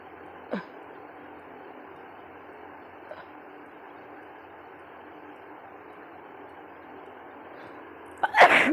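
Quiet room hum with a faint catch early on, then one loud explosive sneeze at the end.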